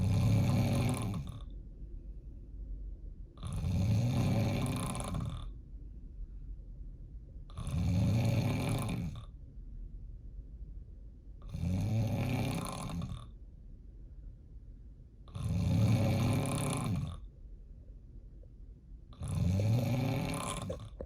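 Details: Loud, rough, rumbling snores likened to a diesel truck, repeating about every four seconds (roughly 16 a minute), with quiet breathing between: snoring.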